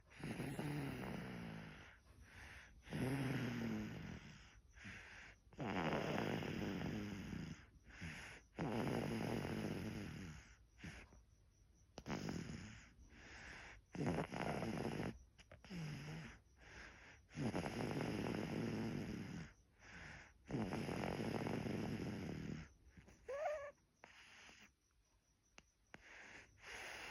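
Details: An infant snores with rough, noisy breaths repeating in a steady rhythm.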